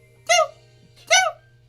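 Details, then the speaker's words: Adult imitating someone's dainty sneeze: two brief, squeaky, high-pitched voiced bursts about a second apart over a low steady hum; an imitated sneeze, not a real one. "That's how Monica sneezes. And she builds up to it too."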